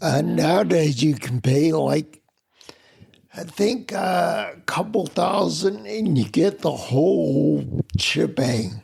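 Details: Adult man with spinocerebellar ataxia of unknown cause, slurred speech since around 1999, hard to understand on the phone, with mobility problems: ataxic dysarthria (slurred speech)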